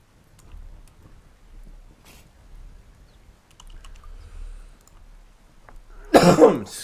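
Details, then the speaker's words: Adult livestreamer gives one short harsh cough burst in a quiet room amid repeated coughing, then apologizes for all the coughing; cough. "Excuse me for all the coughing."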